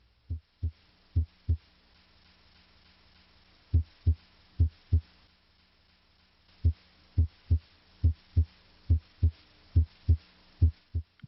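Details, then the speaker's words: Normal heart sounds heard at the apex (mitral area) through the stethoscope bell: regular paired low thumps about 70 beats a minute, S1 usually louder than S2. "listen at the apex here at the mitral area s1 is usually louder than s2"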